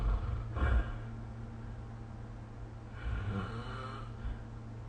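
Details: Snoring during sleep recorded with the SnoreLab app: two rough, rattling breaths roughly three seconds apart over a steady low room hum.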